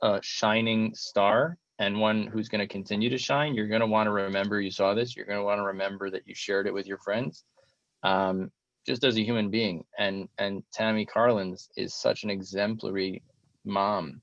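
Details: Adult male speaker; typical speech.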